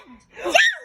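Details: Young child fake sneezing, a brief intake of breath then a voiced sneeze-like burst, followed by "God bless": a playful imitated sneeze.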